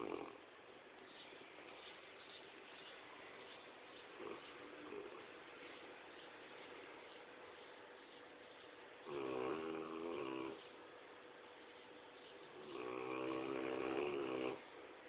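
Two drawn-out, vibrating, nasal snores from a sleeping large dog, separated by quiet breathing; ordinary snoring.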